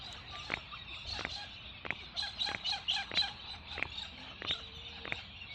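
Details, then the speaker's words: Person on a trampoline cracking their knuckles 100+ times in a row: repeated sharp pops from knuckle cracking, with chickens clucking faintly in the background. "we're gonna try to crack this 100 times which will give us a total of 400 cracks of each each finger in total"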